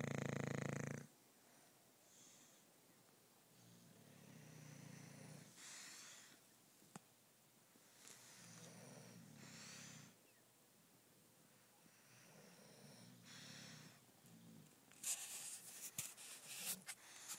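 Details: Adult female English Bulldog sleeping gives loud, low rumbling snores repeating every few seconds, with rustling at the end; snoring.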